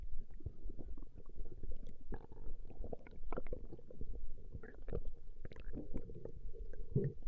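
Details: Female's stomach growling recorded over a 20-minute session: continuous low gurgling and rumbling with brief squelches and bubbling, ordinary borborygmi.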